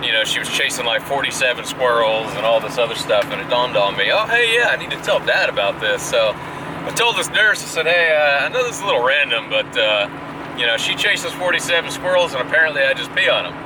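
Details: Adult male speaker; Normal speech.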